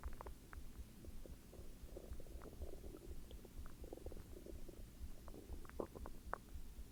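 Low gurgling and rumbling with scattered bubbly squeaks over a quiet hiss; ordinary stomach growling from gas and fluid moving through the bowel.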